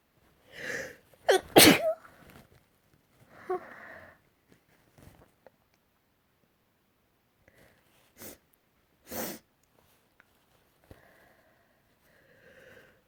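A loud sneeze with a quick gasping lead-in, followed by a few softer sneezes and sniffs in a quiet room.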